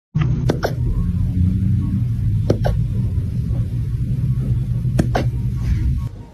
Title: Cute Puppies Hiccups ☺..... 🐾 #puppies #dogs #cyno🐾 #dog_oos